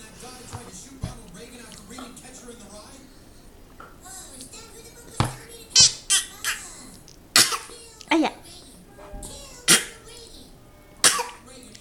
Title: genius girl cute 19months old Asian Baby likes to act "coughing"